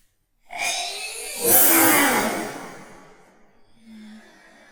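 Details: Adult sneeze: a quick in-breath, then one loud, explosive sneeze that fades away.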